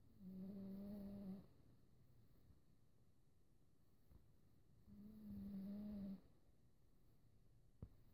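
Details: Two long, steady tonal snores from a resting pet, separated by quiet breathing pauses; snoring.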